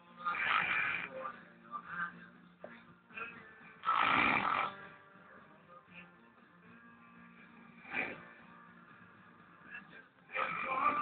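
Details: Real snoring from a sleeping old man, the filmer's father: irregular rasping snores with steady tonal background music.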